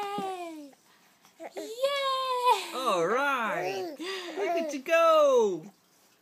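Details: Infant boy unhappy during tummy time, parent suggesting he's probably tired; fussy crying in short wailing bursts with whiny vocal sounds in a small room.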